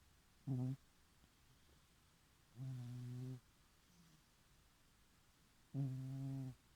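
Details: Sleeping, dreaming cat snoring: three rhythmic low buzzing breaths over about seven seconds, about nine breaths a minute.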